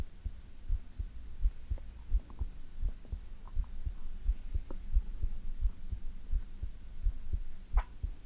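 Steady soft low thumps at about 85 beats a minute over a faint hum: a normal heartbeat.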